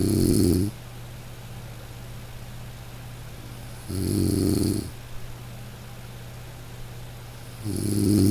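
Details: Steady rhythmic snoring, each rumbling snore under a second, about 16 a minute, over a constant low hum, from a snoring white-noise relaxation recording; snoring.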